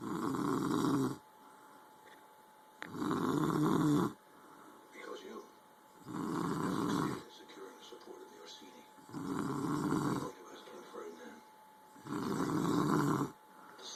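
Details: Female snoring loudly during sleep: loud rough snores recurring regularly, about 20 a minute, with quieter pauses between them.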